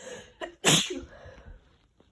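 A short indrawn breath, then one forceful wet sneeze with a trailing exhale; a sneeze during a cold.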